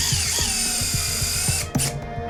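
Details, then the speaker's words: Dog knee surgery, a tibial cut levelling the sloped top of the tibia, stabilized with a plate and screws: steady high whine of a powered surgical drill driving the last bone screw, with brief speech and music. "We're going to make a cut in the bone and we're going to move it such that it's flat and we're going to stabilize it in that new position with a plate and screws."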